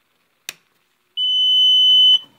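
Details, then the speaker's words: Invacare Perfecto stationary oxygen concentrator being plugged in and switched on: a click, then a steady high-pitched electronic power-on beep lasting about a second. "so we're going to go ahe and plug in the perfectto so you can hear this one before you make your decision on which concentrator you want to go"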